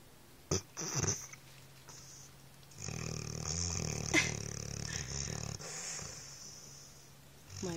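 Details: Adult pit bull dog sleeping: rough, irregular snoring and snorting noises amid household noise; snoring.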